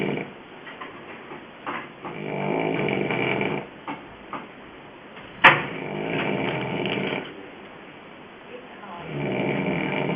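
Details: Person snoring in the morning during a 2008 trip: slow, rough snoring on each breath in, about every four seconds, with a quiet room between snores.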